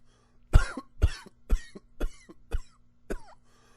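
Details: Six separate coughs in quick succession, each a short harsh burst followed by a brief pause.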